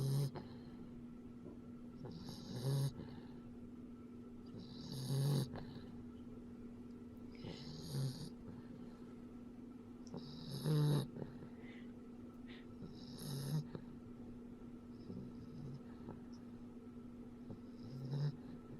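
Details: Low, rumbling snores with soft whistling exhales, about 25 breaths a minute, over a steady room hum, recorded at low volume; snoring.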